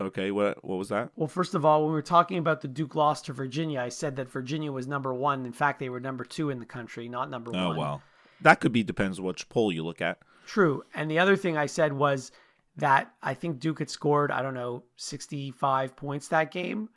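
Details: Adult men in conversation, podcast recording; ordinary conversational speech.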